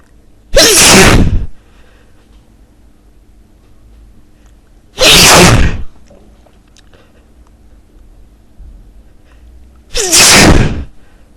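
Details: Three loud, forceful sneezes about five seconds apart, separated by quiet room noise.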